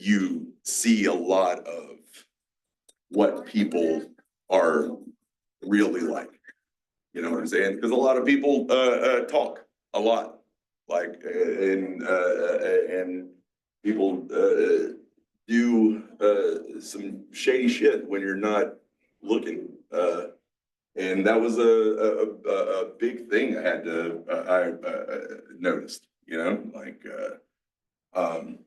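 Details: Adult male, 47, with aphasia mixing Broca's and Wernicke's types after a massive stroke 6 years earlier. He also has had strokes and seizures, had to relearn to talk, and still has word-finding blocks. Aphasia.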